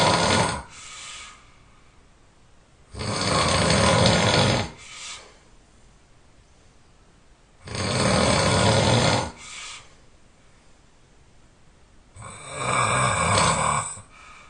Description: OMG I can't believe I can snore so loud.